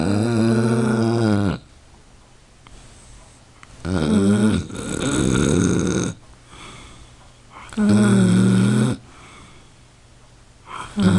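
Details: Dog snoring loudly in sleep: deep, vibrating snores on each breath in, with a fluttering rattle between some, roughly every three to four seconds; heavy snoring.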